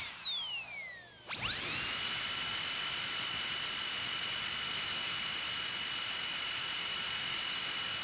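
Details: A high-pitched whine rising quickly to a steady shrill pitch: a high-speed dental drill running.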